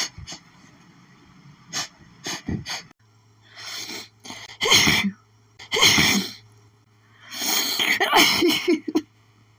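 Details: Rapid, harsh, hitchy sneezing fit blamed on allergies from a newly planted flower garden, nose sore from sneezing: several sneezes, each with a short catching breath before it.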